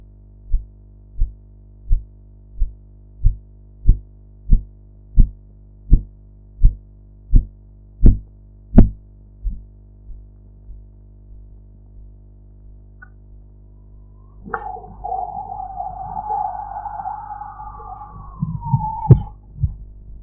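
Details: Korotkoff sounds during blood pressure measurement with a sphygmomanometer, audio enhanced: regular tapping pulse sounds, about 85 a minute, grow louder, then fade and vanish during cuff deflation.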